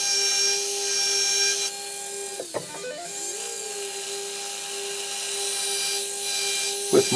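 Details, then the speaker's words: Dental surgical handpiece with a 1.2 mm pilot drill, drilling osteotomy sites for narrow diameter implants on a practice upper maxillary foam model: steady high whine, briefly dipping in pitch as it bites. "millimeter pilot drill with the proper angulation i'm going to angulate here following the ridge morphology and slowly pumping in and out allowing for nice proper implant position"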